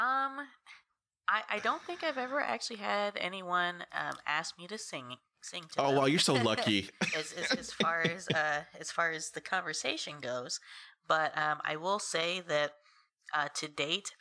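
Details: Adult woman who has stuttered since about age three, with a cousin who also stutters; family initially thought she was copying him; stuttering.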